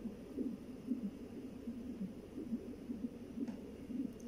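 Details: Fetal heartbeat on a Doppler monitor: fast, soft whooshing pulses at roughly 120 a minute over a low rumble, recorded while the baby's heart rate is monitored.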